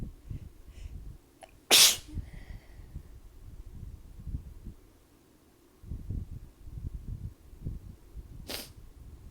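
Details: Sneezing after a cold shower, cold air and a fan while damp, in someone whose nose reacts to temperature changes plus allergies: two sharp, explosive sneezes several seconds apart against quiet room noise; sneezing.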